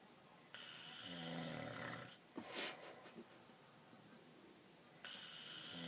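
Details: Adult father snoring in sleep, loud rough snoring on the in-breath with quieter gaps between breaths; ordinary adult snore.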